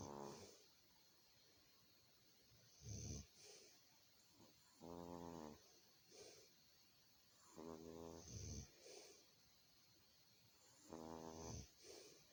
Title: Trixie snoring 21620